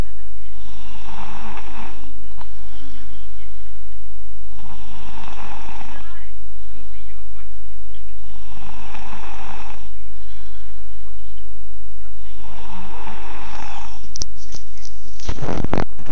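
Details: Seven-year-old child snoring loudly and harshly during sleep, about 15 breaths a minute, with a steady low background hum.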